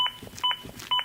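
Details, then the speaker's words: Regular two-tone electronic beeps, about two per second, from an AED prompting continued chest compressions during a CPR and AED training demonstration after a shock was advised; these are AED CPR prompt beeps. "compressions continue compression continue cpr and using the aed following its instructions until help arrives"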